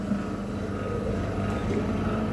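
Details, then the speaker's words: Electric suction machine (aspirator) that runs on mains power, set up with two collection jars and a patient tube in a demonstration: a steady low motor drone and hum as it is switched on and running. "यह हो गया हमारा electrical suction machine कैसे काम करता है और इसके अंदर क्या-क्या होता है"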